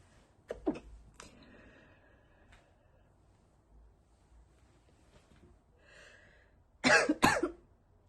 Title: stifled sneezes only cause i had to be quiet